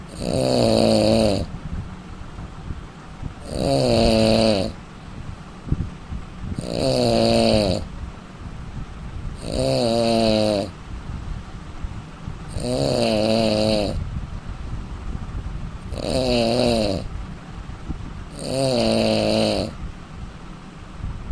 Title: indian man snoring 😃🤣